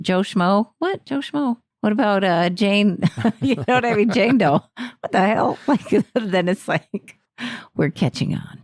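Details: Adult woman speaking; normal voice.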